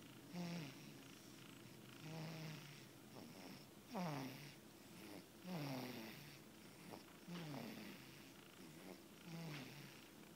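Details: A resting cat after feeding makes soft, rhythmic low snoring sounds with each breath, a harmless finding.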